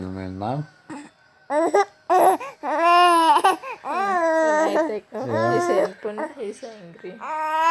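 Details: Infant with hiccups: whiny, fussing cries in repeated rising and falling bursts, with brief adult voice; upset, angry crying.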